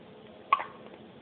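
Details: Infant girl with hiccups: one brief, abrupt gulping catch over faint background hiss, a single hiccup.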